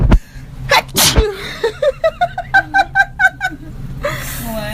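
A single sharp, explosive sneeze from an adult, then a quick run of short voiced bursts and some background noise.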